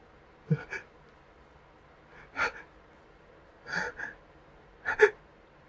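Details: A single sneeze triggered by sniffing Creole seasoning, after about two minutes of build-up: several gasping intakes lead to one sharp sneeze burst in a quiet room.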